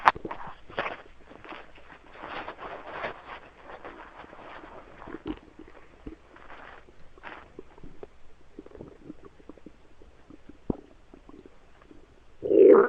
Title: More stomach noises